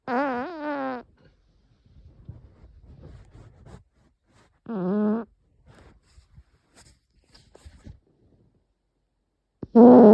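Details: Deflation burps: three long, low, croaking voiced belches with quiet gaps between them; repeated burping, with farts also mentioned.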